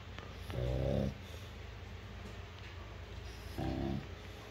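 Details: Pug snoring: two loud, rough, rumbling breaths about three seconds apart, with quiet breathing noise between them.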